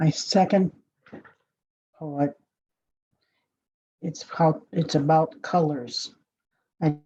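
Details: Adult speaker; no disorder.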